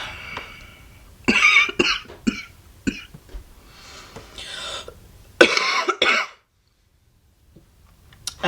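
Two bouts of harsh, chesty coughing, about six coughs in all, in a quiet room; a cough during COVID-19 infection.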